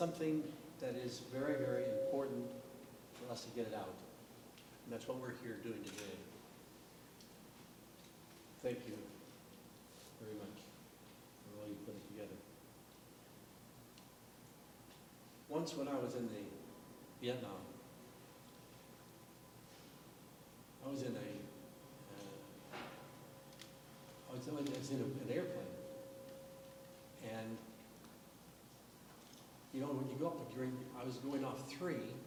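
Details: Adult man with aphasia, a language impairment caused by trauma to the brain's language centres, speaking at a panel discussion; aphasia.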